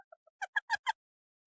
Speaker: Sorry, my dog is inverted sneezing right now. Can you hear it?